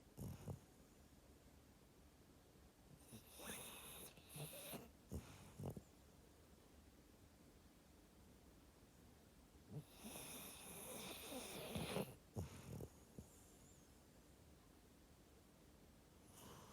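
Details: A sleeping dog snoring: two long, rough snoring breaths with snorty, wheezy bursts and quiet pauses between them.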